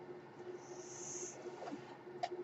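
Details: Podcast host's own mechanical ventilator heard while he speaks: steady low machine hum with a soft rush of air hiss and a faint click in a quiet room.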